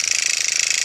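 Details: Motorized microneedling pen used on the forehead of a woman over 50 in small circular motions, redness but no pinpoint bleeding, reportedly painless: fast even buzzing rattle with rapidly pulsing needles; microneedling pen in operation.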